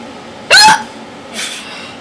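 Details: Weird, unusual hiccups: one sharp, high squeaky hiccup then a softer breathy one; person says they hurt, tried holding breath and drinking water.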